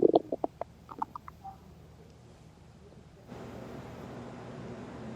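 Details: Loud gurgling stomach growl breaking into bubbly squeaks, then fading; hunger rumbling after skipping food before and during work (lunch forgotten), stomach growling (borborygmi).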